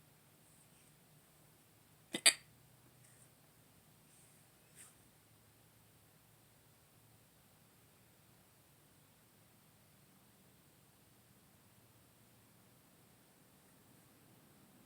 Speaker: I may have drank too much yesterday. And I woke up with hiccups. So tired.